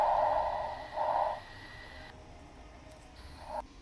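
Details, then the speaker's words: Normal bronchial breath sound heard over the anterior trachea: loud, harsh, fairly high-pitched, intense breath noise in two bursts with a short pause between. "El segundo es un murmullo bronquial. Sonido de tono agudo, intenso y áspero, lo cual se localiza en la región anterior de la tráquea."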